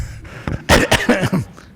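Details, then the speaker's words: Adult man's cough: a quick run of three or four short, slightly loose coughs in a quiet room, which he attributes to a little phlegm in his throat. "ငါ့လည်ချောင်းထဲမှာ phlegm အနည်းငယ်သာရှိတယ်။"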